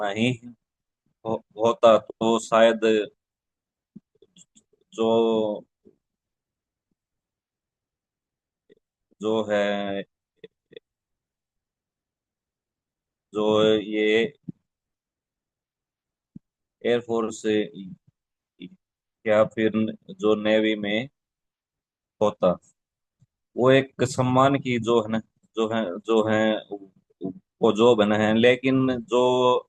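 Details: Adult man who stammers, speaking in a Hindi-language stammering support session; real stuttering.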